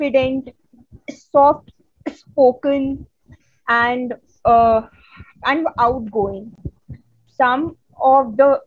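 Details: Real stuttering in a woman from India who stutters, a stammering-association member giving a conference talk on women and stuttering: stuttering.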